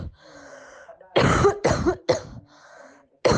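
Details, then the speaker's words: Cough from an asymptomatic COVID-19 positive person: four sharp, fairly dry coughs in quick succession, not distinguishable by ear from a healthy person's cough. "and now here is a cough of an asymptomatic person with covid19"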